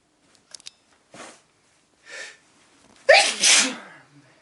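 Two quick in-breaths, then one loud, explosive burst of air with a trailing exhale: a single typical sneeze.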